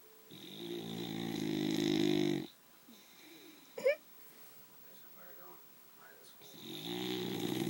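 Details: Sleeping boxer dog: loud, buzzing snores with a brief squeak and soft background sounds between; snoring.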